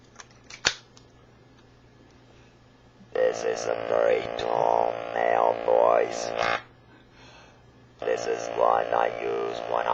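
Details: Adult electrolarynx user, pitch adjustable, demonstrates a very low setting: monotone mechanical buzzing voice at a deep fixed pitch forms words.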